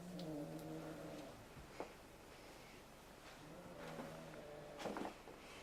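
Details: Person asleep in bed, with soft, droning snores on the in-breath, two heard about four seconds apart, quiet room noise between; bed partner sometimes moves to another room: snoring.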